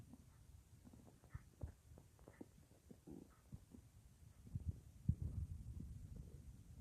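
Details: At night, lying on left side, about an hour after soup with little else eaten that day; phone in front of or mic pressed against belly; soft low gurgles and clicks over faint hiss; normal bowel sounds.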